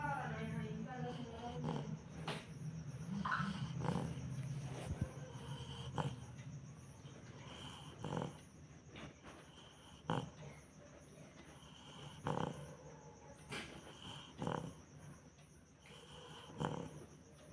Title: reo snoring 😂 #beagle